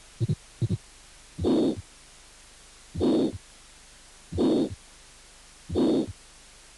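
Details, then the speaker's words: Aortic stenosis: regular heartbeat with a long, harsh ejection systolic murmur filling the gap between the first and second sounds. "estenosis aórtica con soplo directivo largo histórico wood"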